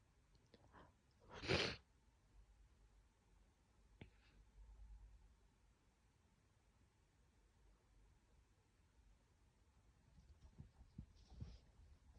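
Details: Morning sneezes from a person trying to stifle them: one sharp, partly held-back sneeze in a quiet room, then a fainter stifled sneeze near the end.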